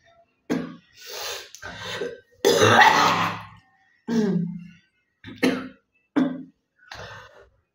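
About seven separate coughs and throat-clearing bursts from an adult, some wet and harsh, with short pauses between them.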